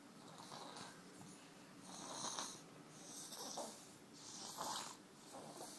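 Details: Sleeping on grandmother: repeated hissing, slightly whistling breaths in a quiet room, rising and falling in waves; light snoring.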